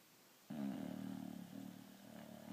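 A low, rough, buzzing breath sound that rises and carries on through the clip, typical of a snore.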